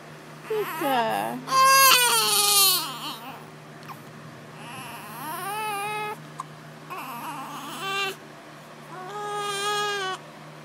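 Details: Infant with hiccups: repeated wailing cry bursts separated by breaths over a steady background hum; infant crying.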